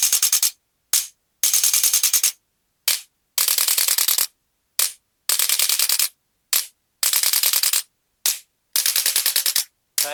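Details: Male patient with L3–L4–L5–S1 disc bulges on MRI and bilateral sciatica with difficulty walking: bursts of rapid sharp mechanical clicking with short pauses, from a handheld chiropractic adjusting instrument.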